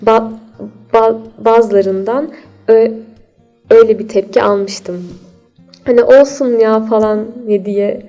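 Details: Stuttering in an adult woman.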